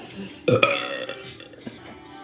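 A loud, drawn-out voiced belch with a rough, throaty quality, then quieter room sounds: burping.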